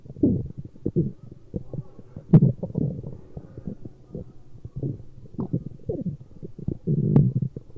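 Irregular low gurgles, creaks and bubbling rumbles from the belly; ordinary stomach growling.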